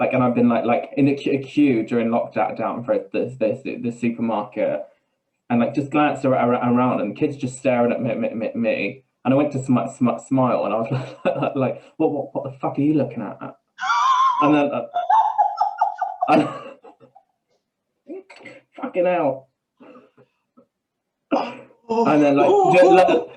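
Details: Tourette syndrome vocal tics with coprolalia, plus stammering that worsens under stress, in a man.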